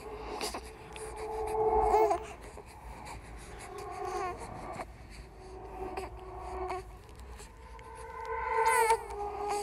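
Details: Horror sound-effect track of a simulated ghost baby: wavering infant crying and whimpering in a small room, created and edited for a horror audiovisual piece; infant cry.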